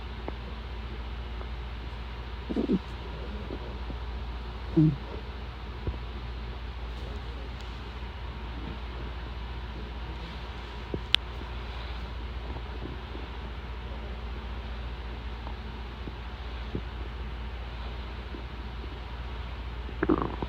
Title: My stomach growling before dinner